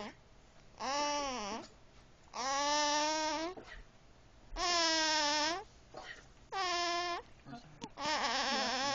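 Four or five high-pitched, tonal crying bursts separated by pauses in a small room: an infant crying.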